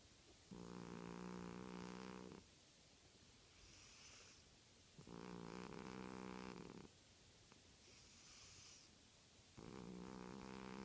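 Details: Steady, droning snores on each breath in, about every four and a half seconds (roughly 13 a minute), with softer breaths out between, from a 17-year-old cat snoring.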